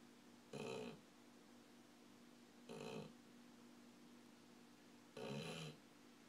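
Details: Dog heavily snoring during sleep.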